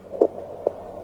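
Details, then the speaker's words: Normal fetal heart sounds on Doppler during intrapartum care demonstration: rhythmic whooshing pulses over a soft hiss, heard at the point of maximum intensity at or below the navel, slightly right; 147 beats per minute, regular rhythm. "mendengarkan di titik titik pungtung maksimum yaitu di puser atau di bawah puser atau serong ke kanan di bawah puser dan kita sudah mendapatkan hasilnya adalah 147 kali per menit iramanya reguler"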